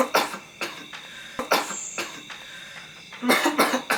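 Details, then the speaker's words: Several short, dry acted coughs from an adult in separate bursts, in a staged advertisement skit for honey as a cough remedy; a quiet room behind, and another voice complains about the constant coughing. "Apaan sih lu batuk-batuk mulu nih minum"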